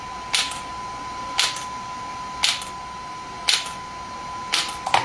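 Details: Shockwave therapy device (SW5S), used for erectile dysfunction and plantar fasciitis, firing with gel applied, patient's feet positioned for treatment: sharp snapping clicks about once a second over a steady high tone.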